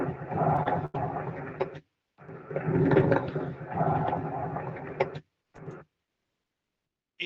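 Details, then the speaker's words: Lung-sound recording played for exam auscultation practice: low-pitched, bubbling crackles across breath sounds, coarse (subcrepitant) crackles with larger bubbles than fine crackles. "Este, a diferencia del anterior, sus burbujas eran un poco más grandes, se podría decir."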